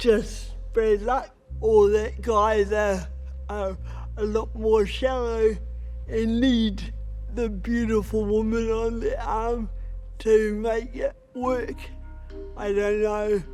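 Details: Adult woman with cerebral palsy, a Paralympic boccia player, who considers her voice a real barrier; dysarthria (cerebral palsy).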